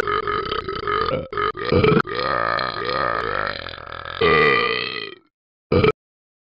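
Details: Burping sounds from the Talking Ben the Dog app: a long, loud, voiced belch with a few shorter ones around it, then a final brief burp.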